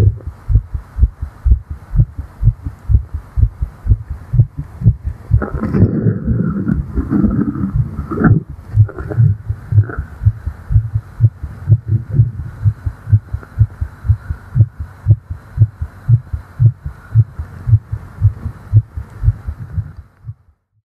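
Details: Fast, regular female heartbeat about 120 per minute, steady low thumps heard with the ear on the chest after exertion (flying), in a role-play recording; normal heart sounds.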